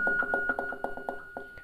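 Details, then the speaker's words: Infusion pump alarm sounding while cycling through the pump's settings in a nursing training demonstration on operating an infusion pump; volume adjustable by button: rapid short electronic beeps over a steady high tone. "دفعه بعدی هم که روش کلیک کنم ببینید صدای آلارم داره میده من میتونم با این دکمه کمش کنم"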